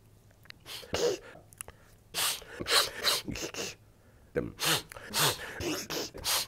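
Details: Adult man, a public commentator noted to sniffle a lot, in a supercut of speaking clips: a run of short, sharp, hissing sneeze-like bursts and sniffs strung closely together: repeated sneezing.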